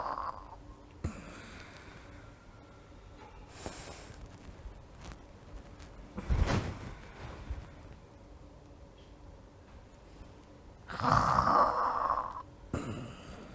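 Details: Simulated snoring in an acted comedy scene: a few loud, rough, exaggerated snoring bursts separated by quiet room noise.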